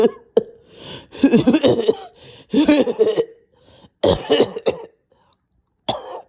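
Repeated bursts of harsh, strained coughing with gagging, throat-clearing sounds and brief pauses, a severe coughing fit with choking.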